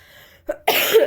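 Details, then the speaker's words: Female vlogger's cough, which she apologises for along with her voice: a brief throat sound, then a single loud, harsh cough burst. "sorry for my voice and my cough. Half or in more than half of the vlog I'll be just यही करने वाली हूँ मैं."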